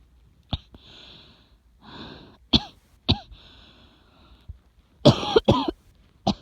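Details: Repeated sharp coughs, about seven, separated by noisy, hissing in-breaths, labelled as an asthma or pneumonia cough.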